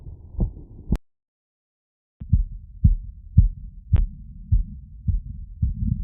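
Fast, regular heartbeat through a stethoscope, about 113 beats a minute, a normal quickening after exertion.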